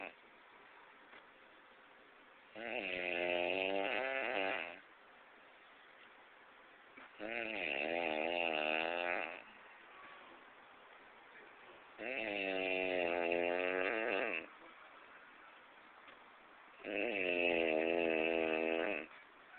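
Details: Snoring from a Haitian sleeper: four long, buzzing snores on breathing in, about 13 a minute, with quieter gaps between.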